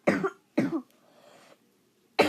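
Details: Two short, harsh coughs close together, then a third beginning, in a quiet room; repeated coughing from someone who says they are sick, recorded during gameplay.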